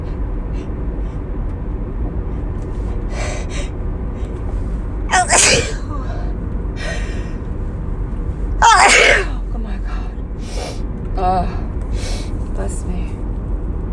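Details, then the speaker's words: Two loud sneezes at 5 AM with softer sounds between, over steady background noise; the sneezer says the nose tickles. "Oh my god, my nose. It fucking tickles. It's so aggravating, but it's so satisfying too."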